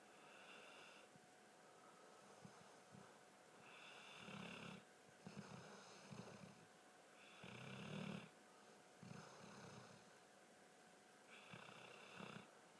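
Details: Snoring: soft, regular snoring with rattling breaths about every two seconds over quiet room noise.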